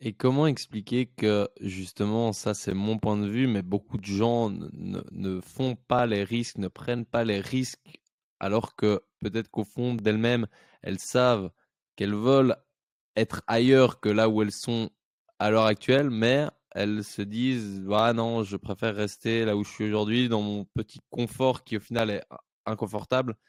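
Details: Adult male speaker; normal speech.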